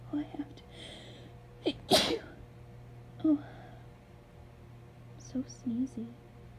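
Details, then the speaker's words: Sneezing fit, described as wet; person labelled (F) says they are about to sneeze: breathy build-up sighs, one forceful sneeze, then soft murmuring and breathy sounds over steady hum. "Oh, I think, I think I'm gonna sneeze. Oh. Oh. Bless me."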